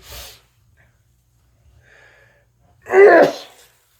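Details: A brief breathy sound, a pause, then one loud, forceful sneeze in a quiet room during a long bout of repeated sneezing; sneeze.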